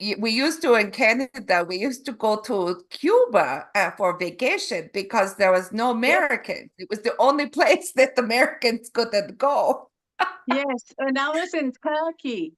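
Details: Adult woman who had a stroke in November 2023 causing aphasia and apraxia of speech, later developing foreign accent syndrome; she describes her accent as Eastern European; foreign accent syndrome.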